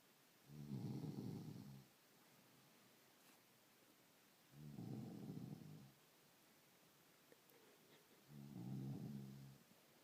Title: Stacey Snores like a machine